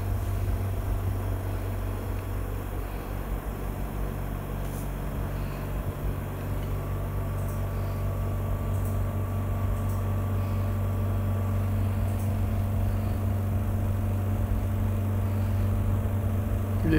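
Steady low motor hum with a faint pulsing throb, continuous throughout: a double-bottle suction machine running normally.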